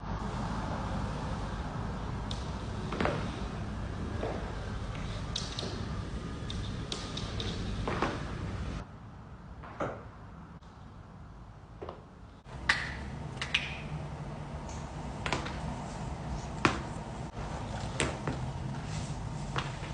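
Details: Sharp scattered pops and cracks over a steady low room rumble, fitting back cracking and other joint cracking during manipulation.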